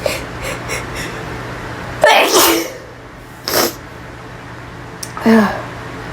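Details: Person with a severe sneezing fit in a bathroom: three sneezes in quick succession with sharp bursts of breath out in a small echoing room; some coughing in between, nose blown afterward.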